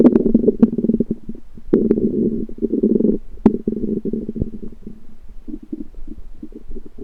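Low gurgling, bubbling rumbles come in irregular bursts with brief clicks between them: ordinary stomach rumbling, or borborygmi.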